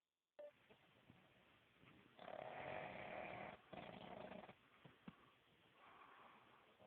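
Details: Black pug, a flat-faced dog, snoring while asleep: rough, snorting snores in uneven bursts with soft snuffles and clicks between, much louder in person; snoring.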